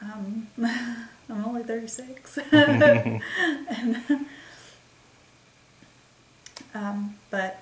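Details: Woman with expressive aphasia and word-finding difficulty, thought to be caused by a migraine that also caused a seizure, onset December 28, 2012; expressive aphasia.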